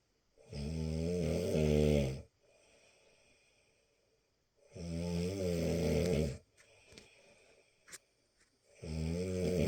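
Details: Loud, vibrating snores about every four seconds, each under two seconds, with quiet breathing between: snoring.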